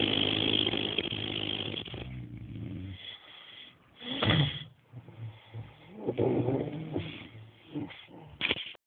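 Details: Two people snoring in sleep: loud, rough, rattling breathing sounds with a low buzzing quality, rising and falling with breaths; snoring.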